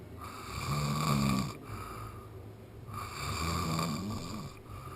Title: Polynesian Snoring